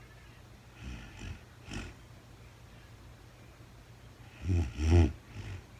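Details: Real-time recording of a woman asleep overnight, very tired, no talking (labelled REM sleep): soft, irregular snoring breaths, then two louder rattling snores close together in a quiet room; snoring.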